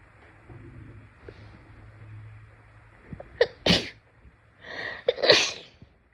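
Two sneezes, each a quick breath in followed by a sharp, explosive burst, over faint room noise.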